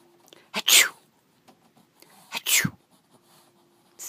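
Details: Dog sneezing to get a treat: two sharp, hissing sneezes a couple of seconds apart in a quiet room.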